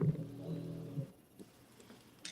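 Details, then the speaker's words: Sleeping dog lying upside down with tongue hanging out snores: one loud, deep, droning snore about a second long, like a tugboat or ship horn, then quiet. "My dog is snoring. Oh, dude, that's epic. That is an epic snore. I mean, Yeah, it is. It sounds like I hear a I thought it was tugboat. literally like a ship horn, like one of those big old freight liners."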